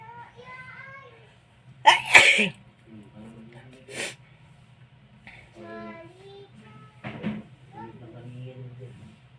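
Two loud, sharp sneeze bursts among quieter voiced sounds; ordinary sneezing.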